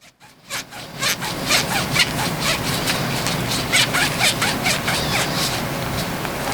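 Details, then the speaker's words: Central line dressing change on a mannequin, simulated: rapid steady back-and-forth rubbing and scraping, about two strokes a second, during a 15-second alcohol swab scrub of a catheter hub after removing the old cap. "Then we would repeat the process for each one of our other catheters. Open our alcohol swab, remove our old cap, discard, 15-second alcohol scrub,"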